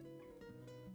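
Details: Vocal tic in a female with diagnosed adult-onset Tourette's syndrome, real and occurring spontaneously; her vocal tics began as noises such as whistling and popping.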